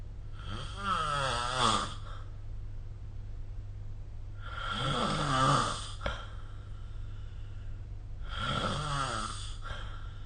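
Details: Snoring recorded with the SnoreLab app: three loud, buzzing, rattling snores, each lasting a second or two, at about 15 breaths a minute over a steady low background hum; snoring.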